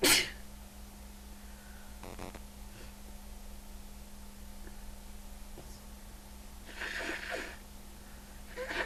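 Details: Sneezing in threes: a sharp sneeze burst at the start, then steady room hum, with two further sneeze-like bursts later, a run of sneezes; speaker mentions allergies.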